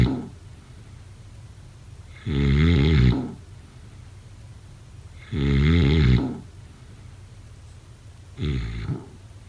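Deep, rattling snores with a low vibrating buzz, about 20 a minute, separated by quiet pauses; ordinary sleep snoring.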